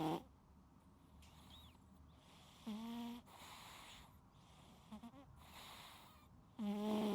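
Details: Sleeping cat snoring, unedited recording: quiet breathing broken by three short, buzzing snores over about seven seconds.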